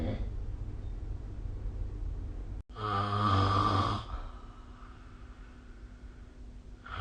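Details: Snoring during sleep, recorded with the SnoreLab app: a low, steady room rumble, then one loud, rattling snore on an in-breath, followed by quieter breathing.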